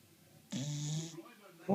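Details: A sleeping bulldog snoring: a single loud, rattling snore with a buzzing vibration through the breath.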